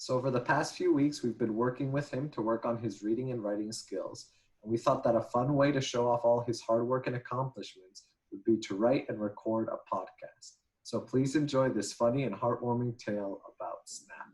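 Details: Adult speaker; normal speech.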